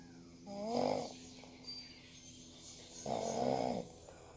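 Two loud, buzzing, slightly whistling snores on the breath in, with a faint steady hum behind them; snoring.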